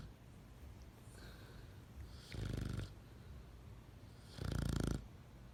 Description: Buzz is a derp dog....who snores like a grown man.